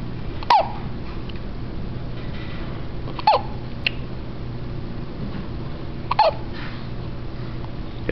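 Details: Three abrupt, sharp hiccups about three seconds apart over a steady low room hum; ordinary hiccups.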